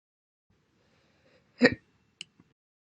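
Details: A single short, abrupt voiced hiccup with a sharp onset, followed by faint clicks in a quiet room; hiccups.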